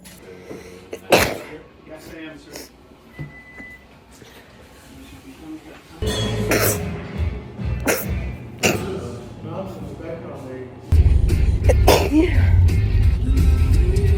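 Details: Woman who has sneezed unusually all her life, her sneezes mistaken for laughing, coughing or an animal: several sharp, explosive sneezes over music and room noise.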